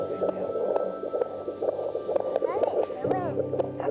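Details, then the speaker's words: Rapid, regular whooshing fetal heartbeat, about 130 a minute, heard on Doppler by a home birth midwife at a prenatal check of a mother planning vaginal birth after a previous C-section; faint voices behind. "baby's heartbeat people think when she've had a C-section that that vaginal delivery is off the cards but that's really not the case"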